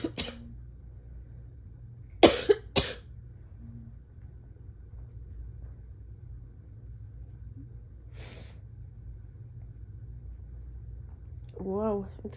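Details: Asthma patient just woken on an early-fall morning, peppermint in mouth, ragweed season: three harsh, dry, barking coughs in quick succession, then a fourth isolated cough and a short vocal sound; barking asthma cough.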